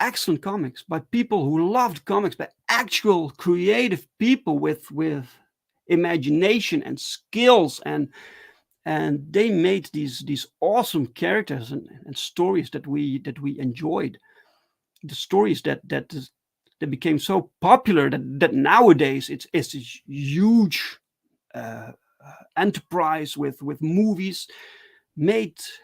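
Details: Adult male with stuttering, speaking live in a solo stream: stuttering.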